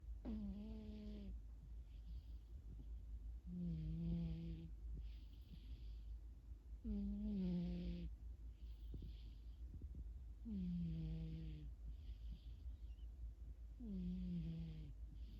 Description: My cat snores, dreams